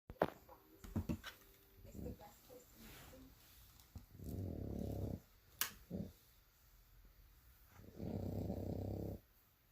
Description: Bull dog snores louder than my husband